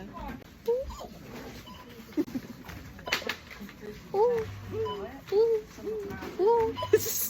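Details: Short, abrupt, squeaky vocal catches recurring irregularly, about 55 a minute, amid shop background noise: hiccups in a person with Tourette syndrome.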